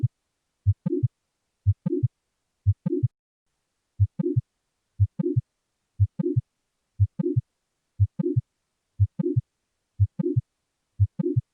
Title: Mitral Valve Prolapse (MVP) 🩺 | Late Systolic Murmur Sound | Auscultation